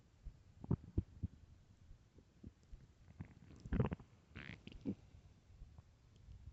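Loud, irregular gurgling and rumbling from the abdomen: stomach growling on an empty stomach.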